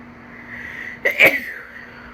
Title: Cold Sneezing